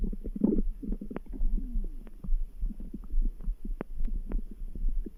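Gurgling and bubbling abdominal noises over faint low thumps of a heartbeat; ordinary stomach rumbling.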